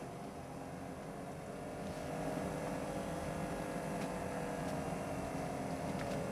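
Steady electric pump hum that rises slightly in pitch as the arm cuff fills; an automatic blood pressure monitor inflating during a reading.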